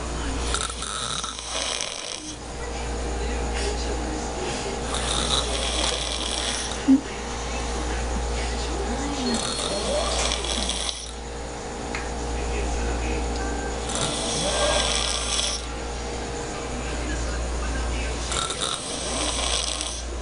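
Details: A man snoring: loud, harsh snores repeating about every 4 to 5 seconds, roughly 13 a minute, over a steady low room hum; snoring.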